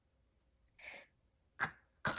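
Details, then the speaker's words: A child with obstructive sleep apnea, recorded by a parent at home: quiet stretches broken by soft then sharp snorts and snores, with chest retractions, paradoxical breathing, and little airflow despite effort. "You'll hear him snort and snore. And you will see him really trying very hard to move air without success."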